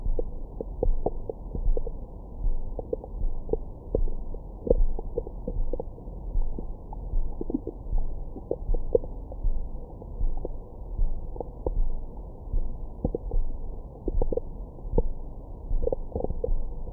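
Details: Abdomen recorded with a Stemoscope stethoscope microphone after a large meal: soft, muffled gurgles and brief squeaks over a low hum. Normal bowel sounds.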